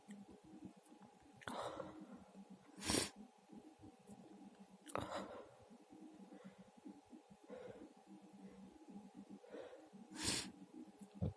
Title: Two sneezes (m)